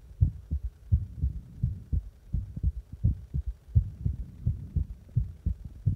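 Regular low thumping heartbeat at roughly 85 beats a minute, each beat a paired lub-dub.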